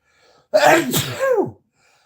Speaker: i don't know i'm gonna sneeze